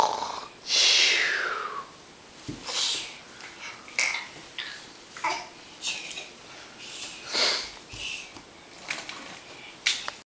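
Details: A young boy lies down on a bed he has set on the floor and imitates his dad snoring: breathy hissing and snorting sounds, not true sleep snoring.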